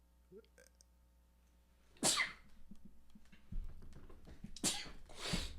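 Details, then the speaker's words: Adult having a repeated sneezing fit: two sharp, explosive sneezes a couple of seconds apart, with faint room hum and small noises between. "all right that's at this point my body is just taunting me with these sneezes"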